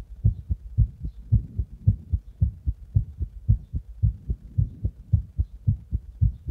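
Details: Heart after drinking a Monster energy drink in the bath and then compression: rapid heartbeat.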